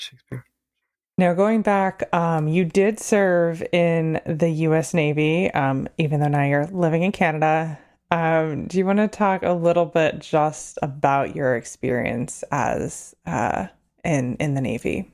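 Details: Adult woman speaking; Normal speech.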